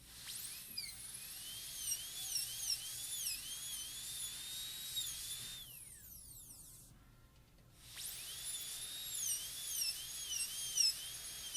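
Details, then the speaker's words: High-speed dental drill on a typodont PFM crown preparation, extending the shoulder gingivally at the same angle while an orange wood stick holds the gingiva down: high-pitched whine rising and falling, with a brief pause before resuming. "And we're going to extend the shoulder gingivally. At the same angle that we had before."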